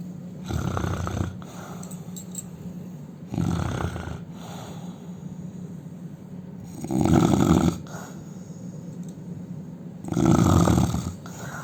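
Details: Indian man snoring loudly during sleep: loud, rough snores on each breath in, about every three seconds, with quieter breathing between; heavy snoring.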